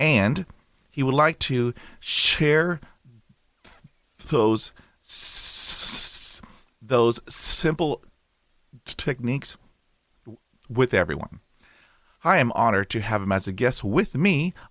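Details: Adult male with a lifelong stammer since he began speaking and a mother who also stuttered; a recovering stammerer using breathing techniques from a Starfish recovery course, who uses a speech synthesizer for lectures; real, unscripted speech showing stuttering.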